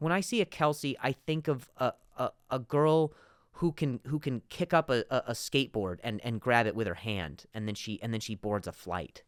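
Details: Adult man, real stuttering in spontaneous speech with word repetitions.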